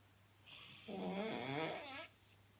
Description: Snoring man strikes again